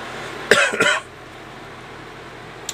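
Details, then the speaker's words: Adult man still recovering from an upper respiratory illness lasting over two weeks, with trouble breathing: two quick, harsh dry-sounding cough bursts in a quiet room, then silence. "I'm still getting over this cough, and I thought I'd just do a rare vlog."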